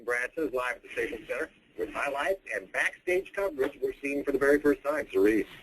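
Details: Adult male news anchor; normal fluent speech.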